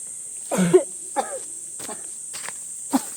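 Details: Woman whose body is weakened by illness in a coughing fit outdoors: a run of about five short, harsh, throat-clearing coughs over steady insect noise.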